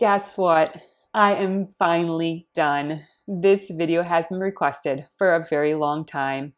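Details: Adult woman with a tracheostomy on a ventilator speaking with the cuff deflated, using a Shiley Flexible tube with TaperGuard cuff, tracheostomy for about six years; finding: speech with a tracheostomy on ventilator (cuff deflated).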